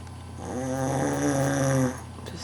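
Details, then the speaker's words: Man snoring, recorded to show him how he snores: a single loud, buzzing, droning snore on one long breath, rising and then cutting off. "hey stop it stop snoring"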